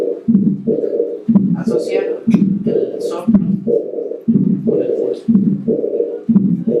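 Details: S1 followed by a systolic murmur, a pause, then a diastolic murmur, on a Harvey cardiology simulator: aortic regurgitation with systolic and diastolic murmurs.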